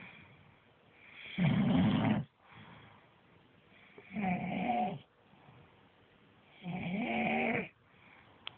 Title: Sleeping snoring monster part 2